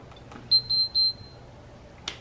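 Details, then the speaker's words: Enteral feeding pump started as a 5-year-old child pushes run after connecting and unclamping a cystic fibrosis patient's feeding tube: three quick high beeps, then a soft click, with quiet room hum. "and you want to push that white thing in pretty pretty hard yep good yep and then unclamp this yep and then push run"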